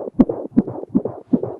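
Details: Rapid, regular whooshing pulses at about 155/min, recorded with a Doppler from an unborn baby girl; the original sample before music production: fetal heartbeat.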